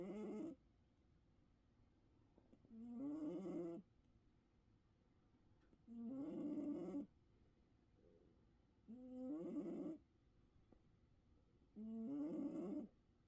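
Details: Snoring during sleep: five regular, whistly, squeaky snores about every three seconds, roughly 20 breaths a minute, with quiet pauses between.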